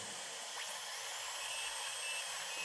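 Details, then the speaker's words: High-speed dental drill whine with a rising sweep during a root canal on tooth 18 of a patient whose tooth was built up with IRM over decay under the crown, removing the roof of the pulp chamber. "And now we're going to start to really take off the top covering of the canal of the"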